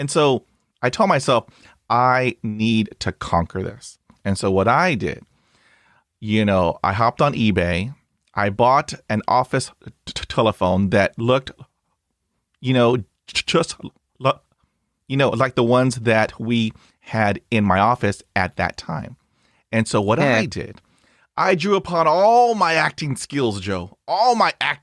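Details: Adult male speaker; Conversational speech.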